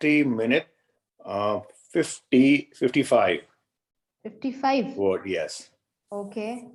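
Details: Aphasia after stroke; Hindi-speaking participant naming pictured objects during an online speech-therapy conversation-practice class, aphasia.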